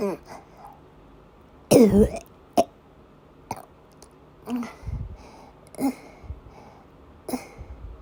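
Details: Woman with persistent asthma attacks and a migraine-cluster headache complex, coughing and vomiting: about eight harsh coughs and throat-clearing bursts, some with retching. Persistent coughing during an asthma attack.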